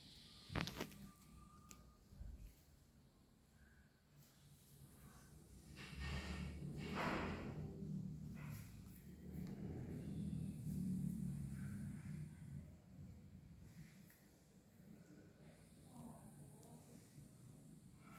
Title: Kucing mendengkur